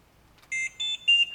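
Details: Trilogy 100 portable ventilator, demonstration unit, sounding three rising electronic alarm tones in quick succession when wall power is removed and it switches to the detachable battery; ventilator power loss alarm.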